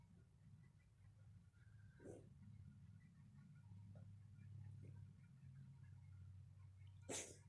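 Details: Cat coughing: faint puffs, then one sharp explosive expiratory burst near the end over a steady low household hum; a single cough.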